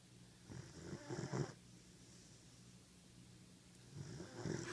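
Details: 14-week-old German Shepherd puppy snoring while asleep: two soft, low, rattly snoring breaths about three seconds apart in a quiet room; ordinary snoring.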